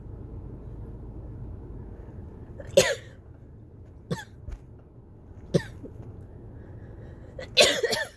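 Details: Four dry, harsh coughs, the last a rapid double burst, in a persistent run during a sudden cough variant asthma attack. The patient was lightheaded by the end.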